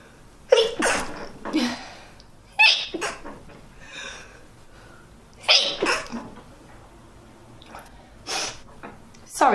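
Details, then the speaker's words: Several sharp, explosive sneezes from different people, some with a short inward breath before, with brief talk between; one attributes sneezing to the sun and bad recent allergies; sneezing. "I'm gonna sneeze because of the sun. My allergies are so bad recently too. Excuse me."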